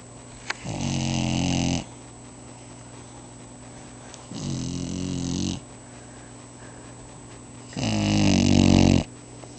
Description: My deaf baby boxer snoring up a storm.